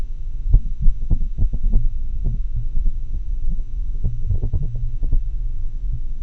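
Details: Atrial fibrillation heart sounds via homemade customized funnel-microphone setup digitized through a computer sound card: muffled beats over steady hum at uneven intervals and varying loudness, irregularly irregular rhythm; atrial fibrillation.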